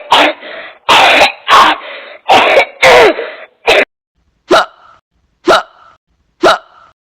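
About nine sharp, harsh cough bursts, some run together in pairs, then spaced single coughs; an ordinary cough.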